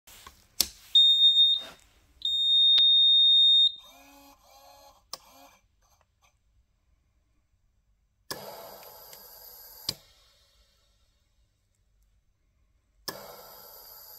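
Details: High-pitched electronic alarm beeps from a Draeger Oxylog 2000 transport ventilator, then softer device chirps and bursts of gas hiss; ventilator alarm.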